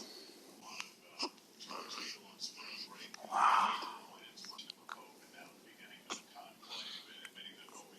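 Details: A child gives one loud, explosive sneeze against quiet room sounds and soft whispery noise while watching the papal election, punching herself in the face as she sneezes; a single sneeze.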